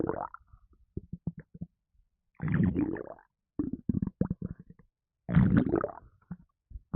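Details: Bursts of low gurgling and sloshing rumbles separated by quiet gaps after drinking a can of Red Bull energy drink, which made the person gassy; stomach gurgling (borborygmi), with burping also in the recording.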